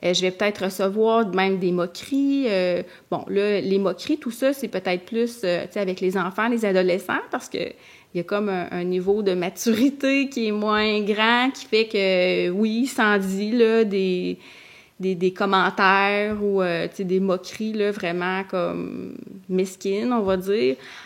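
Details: Adult woman who stutters, also a master's candidate in speech-language pathology, speaking in a podcast conversation; stuttering in continuous speech.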